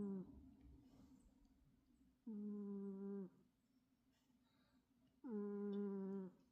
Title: Snoring cat. Volume up!! #jacksongalaxy